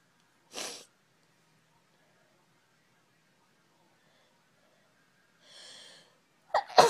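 Two sharp, hissing sneeze bursts several seconds apart, then a louder burst at the end; ordinary sneezing.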